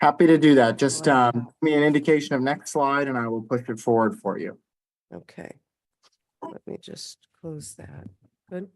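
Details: Adult speaker; typical voice.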